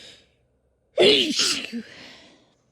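A sharp intake of breath, then a loud voiced sneeze with a trailing breathy release; a single sneeze.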